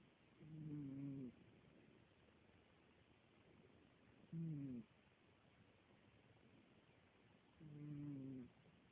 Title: snores